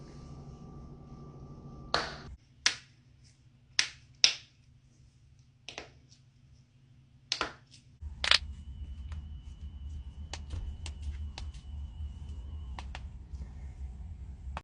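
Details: Knuckle cracking: several sharp, isolated pops in a quiet room, then faint ticks over a low hum, from joint cavitation.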